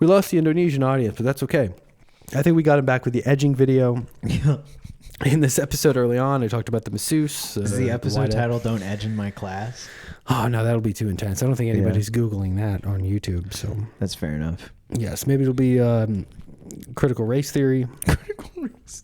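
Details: Adult male speaker; normal speech.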